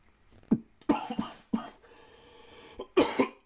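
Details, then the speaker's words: About six short, dry coughs in two clusters from an adult still getting over cold symptoms; lingering dry cough. "guys i'm still getting over my cold symptoms i just have like a dry cough here and there"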